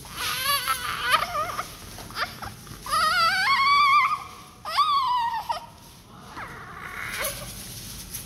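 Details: Newborn weighing 4 kg shortly after birth during meconium cleaning; maternal diabetes is only suspected because of the heavy weight; repeated strong, wavering wails with brief pauses between them; vigorous newborn cry.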